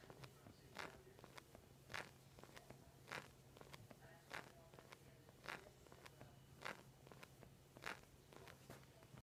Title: Cracking knee